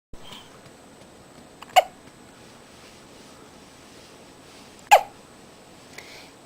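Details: Two sharp, abrupt hiccups about three seconds apart, each a brief gulping click in a quiet room, in someone getting sleepy; hiccups.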